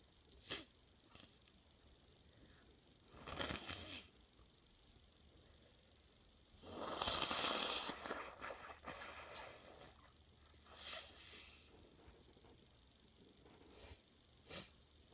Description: Springtime sneezes and snottiness.